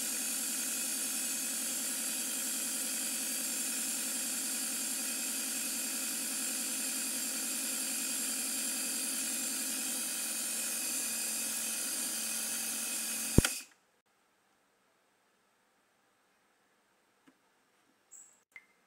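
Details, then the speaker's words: Home compressor nebulizer switched on: a steady loud motor buzz with a hiss of compressed air, then abruptly switched off to near silence; compressor nebulizer running. "Start বাটনে click করার পর দেখুন কিভাবে নেভুলাইজার machine থেকে এই পেপারটা বের হচ্ছে।"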